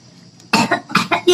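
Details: Comedy skit parody of being sick with a cough: about three quick, harsh, acted cough bursts in close succession.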